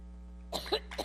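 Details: Adult woman's severe coughing fit while giving a speech in New York; cough.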